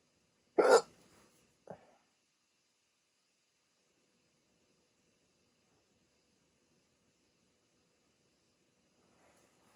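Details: A sudden sharp gulping catch of breath, then a smaller one, then quiet; hiccups in a rare 16-minute bout after waking from sleep with a CPAP mask for sleep apnea.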